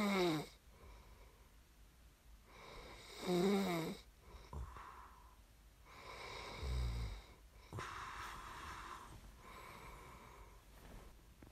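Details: Snoring recording made as sleep ASMR: rough, fluttering snores on breathing in, with softer breaths between, roughly every four seconds in a quiet room; ordinary sleep snoring.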